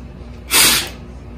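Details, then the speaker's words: Single maximal forced expiration into a peak flow meter after the deepest possible breath, lips sealed, blown as hard and fast as possible; best of three blows taken, and this blow read 530. "biggest thing is you take a breath as deep as you can try to get a good seal with your lips blow as hard as you can as fast as you can most expiratory volume we're gonna take your best of three"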